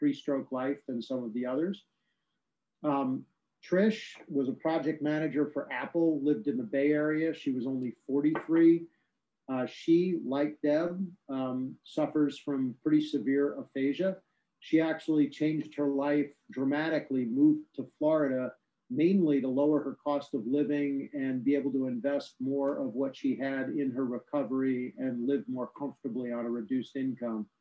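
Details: Adult speaker; normal fluent speech.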